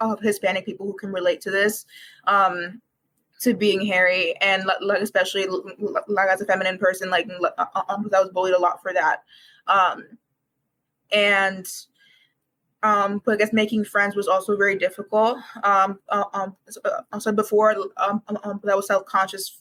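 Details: Developmental stuttering present for as long as the speaker can remember, in a university student who began speech therapy in kindergarten, with frequent repetitions and fillers.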